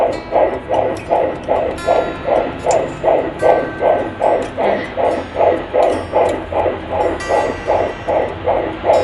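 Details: Fetal heartbeat on a Kimo home fetal Doppler on the mother's own abdomen: rapid, regular whooshing pulses at about 150–157 beats a minute, stated as normal.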